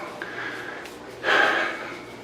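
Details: Strained, effortful breath sounds with a loud forced exhalation: laboured breathing in a person with Parkinson's disease during painful, exhausting medication-related dyskinesia, which eases when lying flat on the back.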